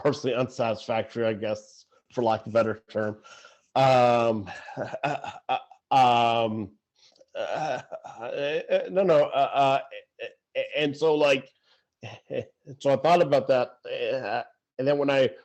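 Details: Adult who stutters, speaking conversationally; stuttering.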